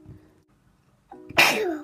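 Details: Female who keeps sneezing takes a short quiet breath in, then gives one sharp, explosive sneeze: sneezing.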